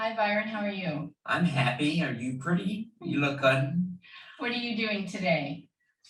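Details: Adult speaker, likely female; Normal conversational speech.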